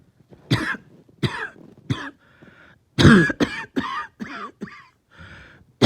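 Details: About nine harsh, abrupt cough bursts in short runs with brief pauses, some followed by a throat-clearing rasp, from a person with a lingering cough that started last night, along with a headache; persistent dry-sounding cough.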